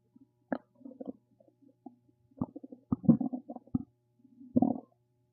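Irregular gurgling and bubbling rumbles with pops and short squeaks: ordinary bowel sounds, harmless stomach rumbling.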